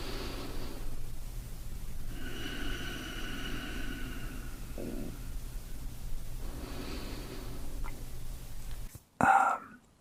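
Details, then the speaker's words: Stomach growling (borborygmi) from a hungry adult man during an ASMR talking recording. "my stomach's howling for food that it's fun um did you hear that my stomach"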